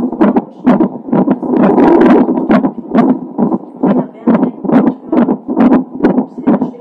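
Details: Fetal heart tones recorded a few hours before birth of a baby with Down syndrome: rapid, steady whooshing Doppler pulses at about 136 a minute.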